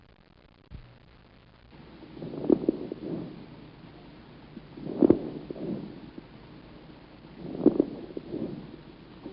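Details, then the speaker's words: Fine crackles: three breaths with brief, crisp popping clicks during each, presented alongside coarse crackles for comparison. "crackles yep those both are crackles but and the one the first one is to find crackles and the second son is uh the chorus crackles"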